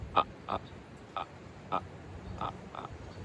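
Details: Imitated stuttering with syllable repetition and block, by a former severe stutterer recreating his childhood block. His stutter began in elementary school, with blocks of over a minute into adulthood, and he had long-term therapy from middle school.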